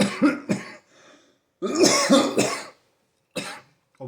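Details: Adult with stage 4 alveolar soft part sarcoma on immunotherapy, constipated and unable to stop coughing: a string of short, harsh coughs in two bursts with a throat clear, a repetitive cough.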